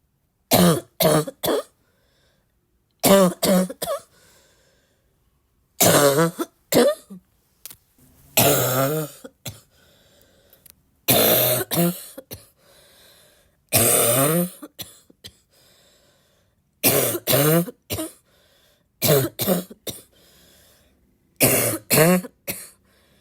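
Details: Repeated harsh, hoarse coughs in short bursts of three or four, with a deep barking quality; barking cough.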